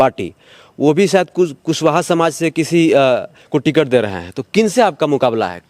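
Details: Adult male speaker; Normal voice.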